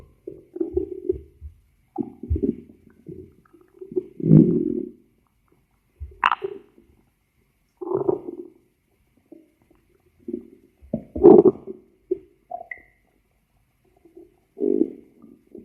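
Irregular gurgling and rumbling bursts with quiet gaps between them; ordinary stomach growling.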